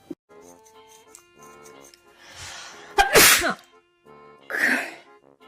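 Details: Girl sneezing, tagged allergies and sinuses: two sharp explosive sneeze bursts over soft background music.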